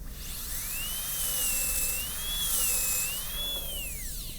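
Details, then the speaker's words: Simulated class II MO amalgam preparation on a typodont tooth #3 with 330 bur along the central groove: high-pitched whine of a high-speed dental handpiece, pitch dipping and rising as it cuts; the bur sounds like it's wobbling slightly. "Hear that sound? >> Mhm. >> That sounds like the bur's wobbling a little bit, but we'll see."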